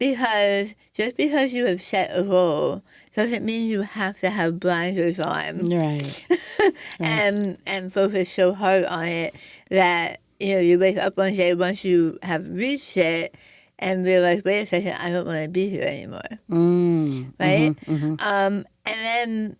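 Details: Adult woman after stage 4 tongue cancer, with over half her tongue removed and reconstructed with an arm skin flap, followed by chemotherapy, radiation and speech therapy; her voice changed; articulation changes after partial glossectomy.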